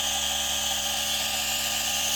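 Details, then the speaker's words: A G-Tech Compact DC1 portable nebulizer/inhaler compressor running continuously and producing a lot of mist, said to be quieter than other models: steady high-pitched mechanical whir and hiss. "Look, it doesn't make as much noise as other models."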